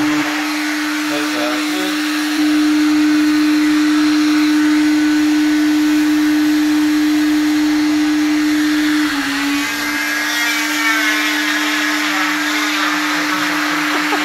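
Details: Cast removal from a leg, cast reaching the knee: steady high-pitched motor whine of an oscillating cast saw, tone shifting slightly as it cuts through the cast.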